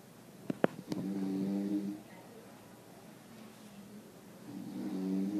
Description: While in a quite reading room someone is snoring. I can't decided if its the man in the corner or the woman directly behind me?